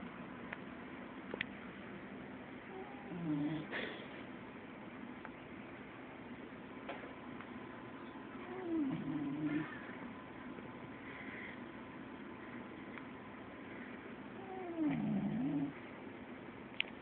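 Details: A female Corgi puppy, passed out in deep sleep, gives three slow, whistly, pitch-sliding snores at about ten breaths a minute.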